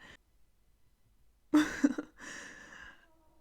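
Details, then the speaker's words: Pet snoring while lying asleep on the bedroom floor, heard faintly in the background of a narrated recording. "i'm not sure if you guys could hear it but like hobo is snoring he's just listening like on the ground right now"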